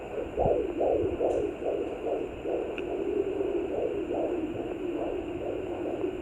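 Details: Rapid whooshing fetal heartbeat, roughly 145 a minute, over a steady hiss, at 20 weeks of pregnancy on a Sonoline B fetal Doppler; the baby moves a lot, with movement sounds also heard; a normal fetal rate.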